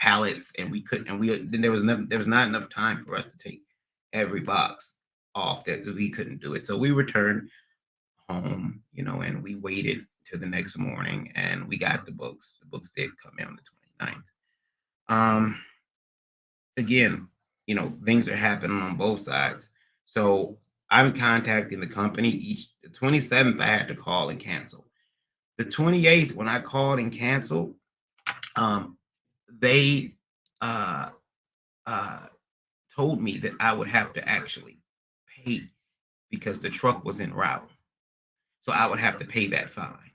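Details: Acquired neurogenic disfluency (stuttering) in an adult male after a recent transient ischemic attack (MRI and another scan showed slight damage), under neurologist care with physical, occupational and speech therapy; speech not fully recovered, occasional stuttering persisting almost a year later.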